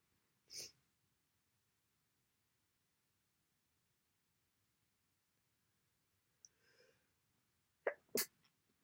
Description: I still have the cold. Lots of congestion and a big blow.